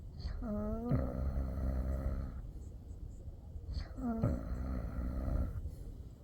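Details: Snoring recorded November 2024: two long, deep vibrating snores with a buzzing, tonal rattle on each in-breath, about 15 breaths per minute.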